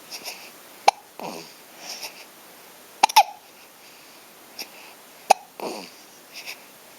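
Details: Hiccups: repeated sharp, sudden hiccup sounds every couple of seconds, with soft breaths and vocal sounds between.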